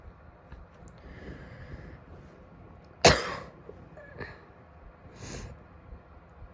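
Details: Female coughing: a single sharp, forceful cough, then a couple of softer breathy sounds against quiet room noise; isolated cough.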